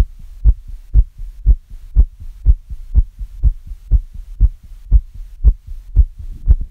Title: little fast heartbeat sound ちょっと速い心音